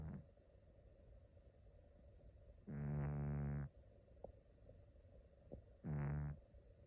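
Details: Cat snoring during REM sleep: two short, buzzing snores with faint twitchy sounds between them in a quiet room; harmless snoring in a sleeping cat.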